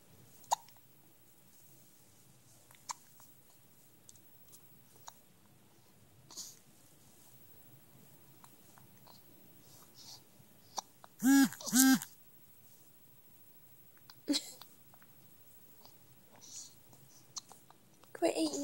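Sharp, brief gulping sounds recur at irregular intervals in a quiet room, with a louder voiced pair midway; hiccups.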